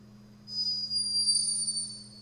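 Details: A sleeping hummingbird's snore, recorded by a scientist in Peru: a thin, very high-pitched whistling tone rising from a low hum; snoring.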